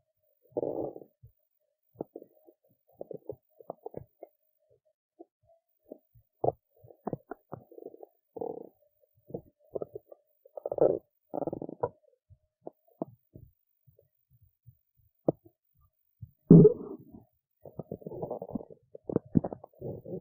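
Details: Adult woman who skipped lunch and is hungry: irregular gurgles, squeaks and low rumbles from the belly; ordinary hunger-related bowel sounds.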